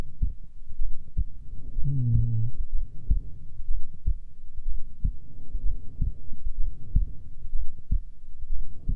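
Regular low thumps at about 62 beats a minute over a soft hum: a normal resting heartbeat.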